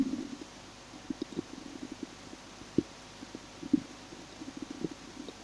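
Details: Stomach growling (borborygmi) of a hungry person: irregular gurgling and bubbling rumbles from the belly with a few louder pops, ordinary growling of an empty gut.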